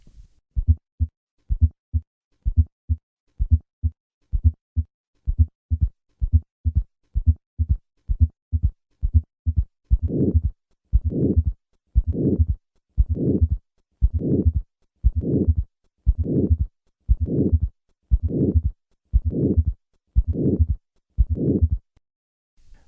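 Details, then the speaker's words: Aortic stenosis patient with both a third and a fourth heart sound, introduced in sequence (S4, then S3, then the murmur): slow regular heart sounds with extra low sounds, then a harsh systolic murmur joining each beat. "Listen to a patient with aortic stenosis and both a third and a fourth heart sound. I will begin with a fourth heart sound, then add the third sound, and finally the murmur."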